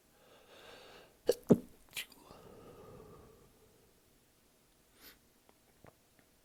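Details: Breathy inhale then three sharp explosive sneezes close together, followed by quiet sniffs; held-back sneezes let out while showering after a session; a run of sneezing.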